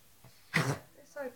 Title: george the pug has kennel cough and a cold